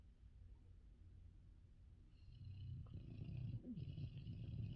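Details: Female dog snoring loudly right next to the listener's ears: low, rumbling, fluttering snore heard up close, growing louder.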